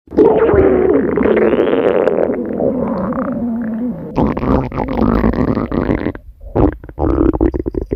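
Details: A woman's hungry stomach growling, recorded: loud, prolonged rumbling and gurgling with squeaky tones and a sudden noisy burst (borborygmi).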